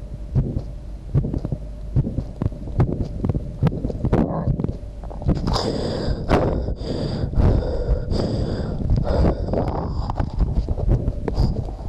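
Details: A heartbeat sound recorded alongside a visibly beating heart; an old, low-quality recording whose uploader says their heart was about to stop.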